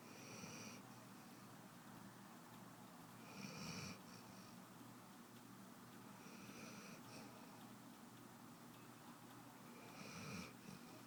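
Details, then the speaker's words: Soft, regular sleep breaths at about 20 a minute, each with a faint whistling snore, over a low steady hum from a female puppy: puppy snoring. "There's Luna snoring."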